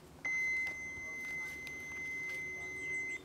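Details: Trainer automated external defibrillator (AED) switched on during a first-aid demonstration for an unconscious casualty who is not breathing: a steady high-pitched power-on tone lasting about three seconds, with faint clicks and room noise.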